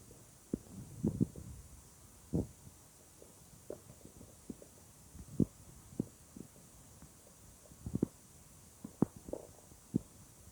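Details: Weird stomach sounds: irregular gurgles, squeaks and short rumbles from the belly, about a dozen over ten seconds; bowel sounds (borborygmi).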